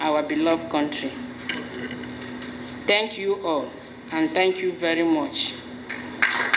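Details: Adult speaker; ordinary fluent speech.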